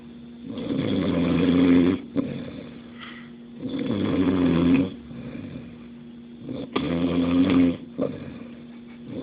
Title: ! Snoring!